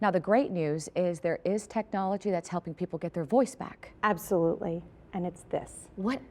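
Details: Adult woman speaking; Normal speech.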